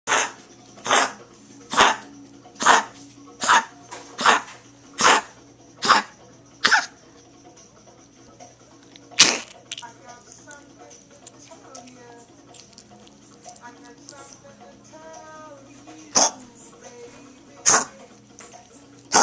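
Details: Dog Sarge's recurring cough, a milder episode of bouts said to be four times worse and lasting two hours: a run of about nine harsh, evenly spaced coughs, then a few more after a pause.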